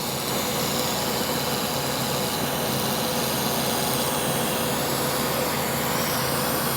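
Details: CO2 laser resurfacing of acne scars around the lip and chin, after pixel laser and microneedling radiofrequency with serum on skin: steady, unbroken machine hiss and hum of the CO2 laser running during treatment.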